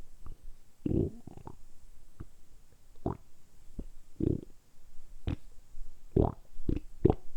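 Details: Stomach rumbling (borborygmi): low gurgling rumbles in irregular bursts, recorded close up, deliberately produced during about ten minutes of continuous rumbling for an ASMR recording; ordinary bowel sounds.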